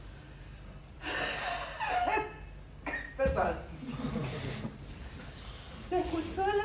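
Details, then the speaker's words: Adult vocally imitating a wheeze by tightening the throat: several breathy, high-pitched musical tones on forced exhalation with quiet room noise between; simulated continuous sound (wheeze/stridor) in a basic respiratory semiology lecture. "Y los continuos que yo les contaba que lasancias que escucharon y el estidor que lo pueden tratar de emular si se aprietan la troca"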